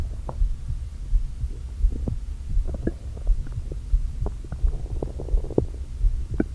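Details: Stomach growling (borborygmi) after a full day without eating, stomach deliberately inflated with air: low hollow groans and scattered short gurgles over a steady low rumble as air shifts.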